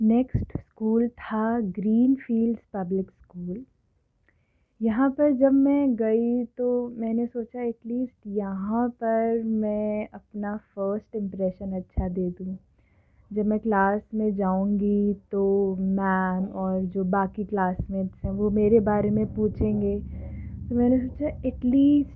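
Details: Adult woman who stammers, speaking Hindi and English; stuttering.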